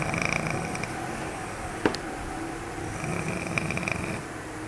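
Rough, rattling breathing sounds come in two drawn-out phases with a quieter gap between them, against faint room noise. This is snoring.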